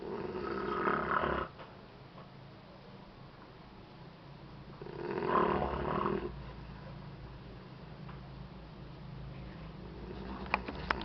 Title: Bayi Ngorok.AVI